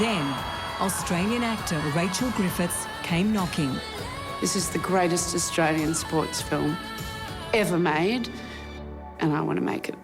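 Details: Adult narrator speaking over background music; normal speech.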